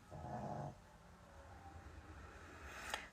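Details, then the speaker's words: Snoring: one low, rumbling snore-like sound from a dog, followed by quieter low rumbling in a small room. "Давайте ще хвилинок п'ять і буду закінчувати, бо хропу не чуєте, як хроплять."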